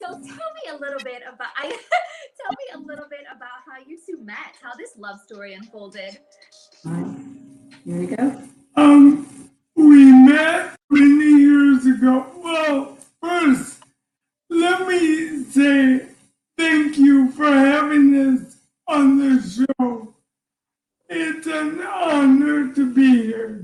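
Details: Man diagnosed with ALS in September 2019 at age 54, about 18 months before recording; he reports ALS is affecting his voice and making him hard to understand, with his wife interpreting; dysarthria (ALS).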